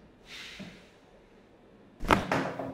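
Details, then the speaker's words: Adult woman with long-standing low back pain, lying on her side during a chiropractic spinal adjustment after being told to inhale: a soft exhaled breath, then a sharp crack and a second pop, joint cavitation. "Se senti rumore non ti preoccupare che non fa male inspira"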